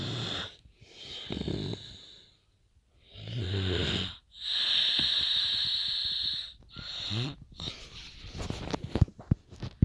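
Loud rasping breaths with a high whistling edge, several cycles separated by quiet pauses; snoring.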